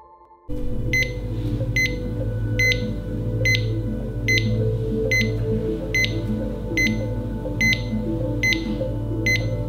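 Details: Cardiac monitor showing normal sinus rhythm: steady beeps at about 72 a minute, regular rate, over soft background music. Normal sinus rhythm on the cardiac monitor.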